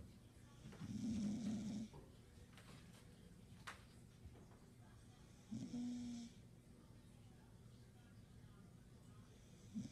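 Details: Snoring in sleep: two slow, low buzzing breath sounds several seconds apart over quiet room noise.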